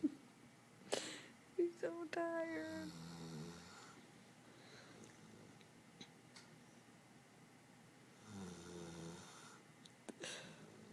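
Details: 8-month-old, 85-pound female Labrador puppy snoring in sleep: two soft, low, rumbling snores a few seconds apart, with quiet room noise and brief human voices.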